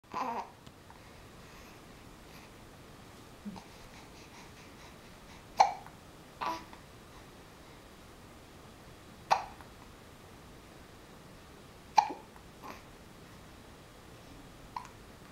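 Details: Baby boy about 6 weeks old with infant hiccups: brief sharp catches recurring irregularly, about nine a minute, in a quiet room.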